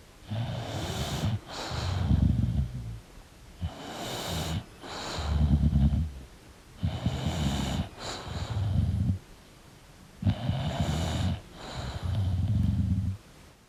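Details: Sleeping English Bulldog snoring: loud, rattling snorts on each breath, roughly 19 breaths a minute, with noisy in- and out-breaths.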